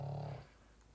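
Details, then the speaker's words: Snoring from a small pet pug sleeping nearby, heard under talking during a makeup tutorial. "you can hear my little pug snoring I'm just going underneath the island I"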